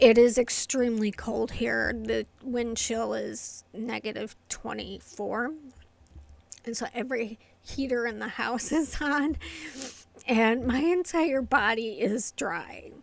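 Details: Adult woman with inherited essential tremor affecting her vocal cords and hands, diagnosed by a movement-disorder neurologist, plus medication-induced tardive dyskinesia from long-term antipsychotic use; vocal tremor (essential tremor).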